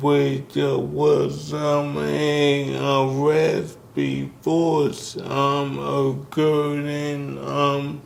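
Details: Dysarthria in a man with ALS diagnosed in 2020; symptoms began in 2017, with the disease first affecting his speech, starting with a raspy voice.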